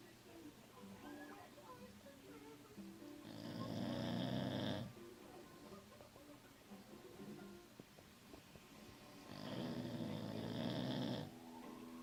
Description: My pit bull snoring